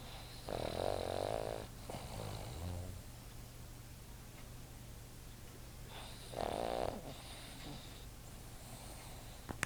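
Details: Boston Terrier sleeping against the owner, recorded on an iPod as he started snoring: two rattling, snorting breaths several seconds apart over a steady low hum.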